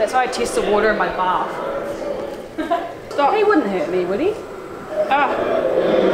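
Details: Vocal tics in a person with Tourette syndrome, heard in public at a museum; sudden swearing and interjections.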